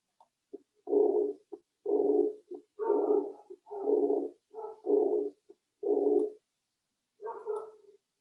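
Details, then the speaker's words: Aortic regurgitation: regular heart sounds near 60 a minute, each short beat followed by a long blowing murmur. "o coração mais uma vez tendo em mente o som Limpo produzido por um coração saudável Vamos ouvir o som produzido pela insuficiência aórtica"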